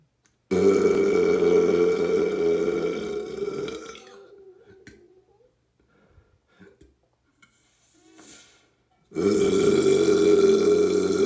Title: Some burps